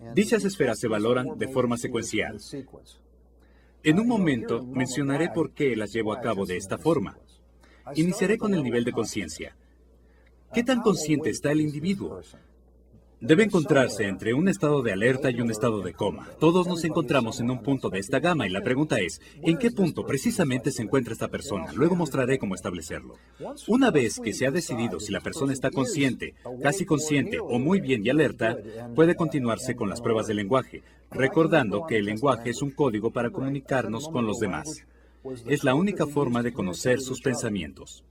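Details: Adult male speaker; normal speech.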